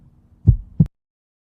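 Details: Real human heart sound: a single lub-dub heartbeat, two low, dull thumps close together with no added sounds between them, normal heart sounds.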